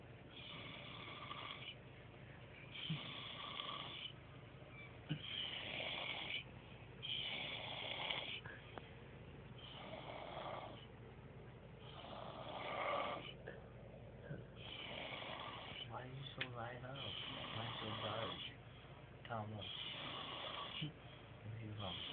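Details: Passed-out sleeper, eyes appearing open, snoring heavily like a dying person: rhythmic rasping snores with each breath, roughly 26 a minute, against steady low background noise; snoring.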